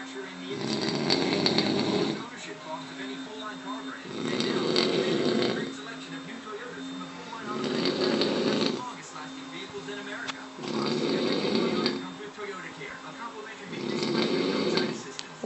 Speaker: Oh, hi, Pumpkin. You're snoring. Uh-huh.